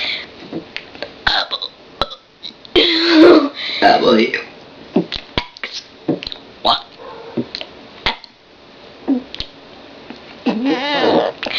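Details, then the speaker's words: Person deliberately burping the alphabet: several short burps with breathy gaps between them, some shaped like letter sounds; voluntary belching. "That was me burping my ABCs."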